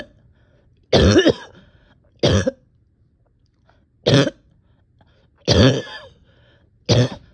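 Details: Harsh coughing, five separate coughs at irregular intervals, some with a rough throat-clearing quality, in a person exhausted physically and mentally with on-and-off chest and stomach pain.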